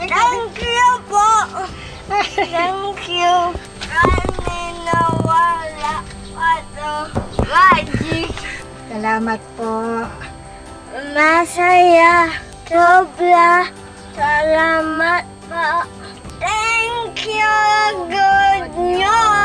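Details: Child with cerebral palsy who cannot walk and has difficulty speaking, cared for daily by his grandmother; dysarthria (cerebral palsy).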